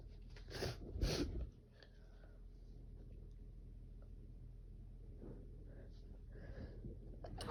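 Two forceful sneeze bursts in quick succession at the start, then quiet room noise; repeated sneezing.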